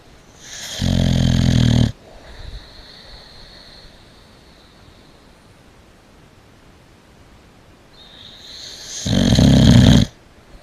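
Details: Boxer dog napping at Christmas, snoring very loudly: two loud, deep, rattling breaths about eight seconds apart with quiet between them.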